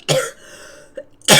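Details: Adult's cough during a live stream, described as about as bad as it has ever been: two sharp, harsh cough bursts about a second apart with a brief catch of breath; cough.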